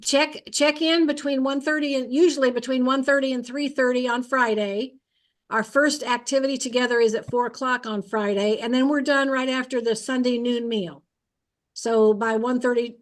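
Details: Adult woman speaking; normal speech.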